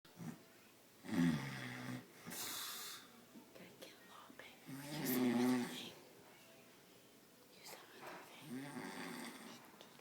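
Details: Roger snoring while asleep: irregular soft snoring breaths with faint whispering and rustling in a quiet room as makeup is applied to his face and toes.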